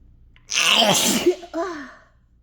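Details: One loud, forceful, harsh, throat-scraping sneeze with a voiced tail, induced by chhinkni sneezing powder; sneezing hard enough to make the throat sore, into a handkerchief.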